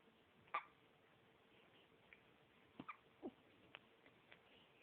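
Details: Baby with hiccups: a few brief, sharp catching sounds spaced irregularly in a quiet room.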